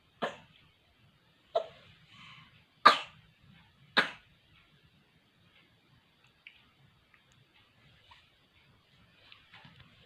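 Four short, sharp cough bursts in quiet surroundings, then faint background noise.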